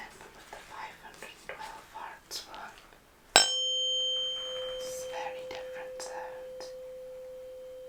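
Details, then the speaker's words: Roleplay (ASMR) cranial nerve VIII hearing exam, Rinne test: whispering, then a struck tuning fork (512 or 128 Hz) placed beside the ear rings with a steady pure tone that slowly fades. "Okay, so for the Rinne test, I I'm just going to put this I'm going to strike it and pop it to the side, just next to your ear, if that's okay."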